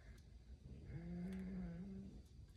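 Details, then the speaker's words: A sleeping pet snoring: a single drawn-out, humming snore lasting about a second over faint room noise. "can hear him snoring right now he's so cute oh man fur babies for babies"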